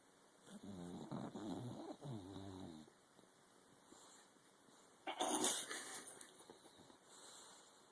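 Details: A sleeping dog snoring: a rumbling, fluttering breath sound followed by a quieter breath and a louder snort.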